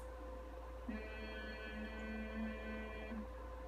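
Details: Humming with clenched teeth and closed lips in a resonant voice therapy session for vocal hyperfunction, described as uncomfortable, tiring and fatiguing, likened to phonating with a clenched, tight larynx; hyperfunctional (tight) phonation during humming.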